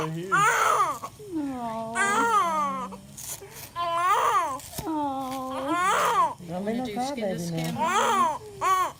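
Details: Newborn baby boy just after birth: repeated rising and falling wails with short gasps between them, a normal vigorous newborn cry in a quiet room.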